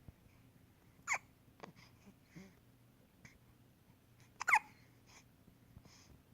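Quiet room with two distinct abrupt gulping catches and a few fainter breath sounds; hiccups.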